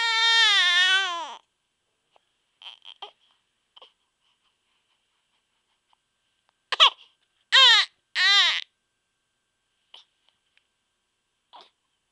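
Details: A long wailing cry, then quiet whimpers and short fussy cries from an infant upset by recurring hiccups; crying.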